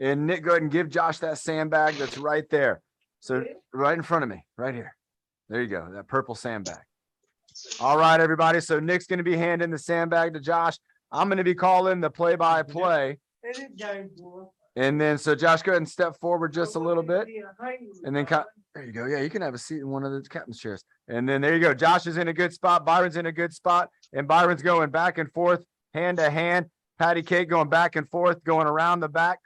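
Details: Adult male speaker; typical speech.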